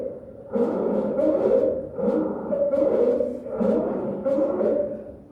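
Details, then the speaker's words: A child with croup, most common from six months to a few years of age, gives repeated harsh, high-pitched crowing noises on each breath in, about four in five seconds; inspiratory stridor. "vamos a saber identificar el famoso estridor lareno de los niños que ustedes una vez que lo escuchen Ya nunca se van a olvidar"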